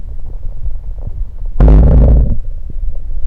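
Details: A deep, loud gurgling rumble from the belly over about a second, with low background rumbling: ordinary stomach gurgling recorded after drinking Sunkist soda.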